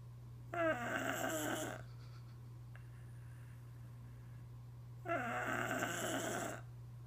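Two loud, rattling snores about four seconds apart over a steady room hum; ordinary snoring in sleep.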